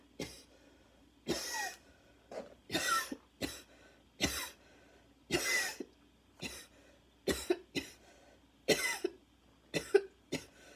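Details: Second fit a few minutes after an earlier one: about thirteen harsh barking coughs over ten seconds, with whistling wheezy tones between breaths; inhaler badly needed.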